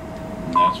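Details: A steady electronic tone of about a fifth of a second over quiet room noise: the emission beep of a Class IV therapy laser, held in skin contact over the elbow to treat lateral epicondylitis (elbow pain).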